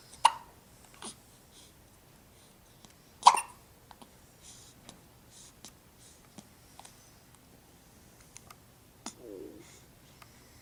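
Short, abrupt hiccup sounds from a young baby, several in ten seconds, with soft breathing between; ordinary infant hiccups.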